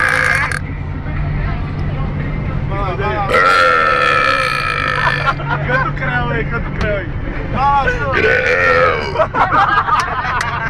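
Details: Deliberate burping contest amid background chatter and laughter: loud, long, voiced belches with croaky vibration.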